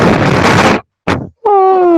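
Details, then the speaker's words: Lecturer's exaggerated vocal imitation of a wheeze, described as an expiratory sound from bronchoconstriction, as in a child with asthma: a harsh rushing breath, then a sustained high musical whistle; imitated wheeze. "Quando a criança tem asma, por exemplo, aí o povo diz, esse menino pia muito, que é esse barulho, na inspiração."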